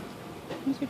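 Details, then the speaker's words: Two brief, sharp squeaky hiccups from an infant on oxygen support, saturation 99%, in a quiet room. "are terrible hiccups."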